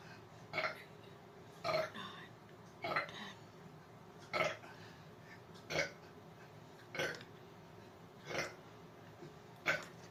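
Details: Deliberate repeated belching during an attempt at 100 burps in two minutes: short burps at a steady pace, about 23 a minute.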